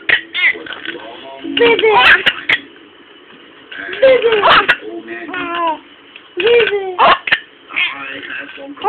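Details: Infant laughing until hiccuping: vocalizing and laughter with sharp hiccup catches recurring about every two and a half seconds.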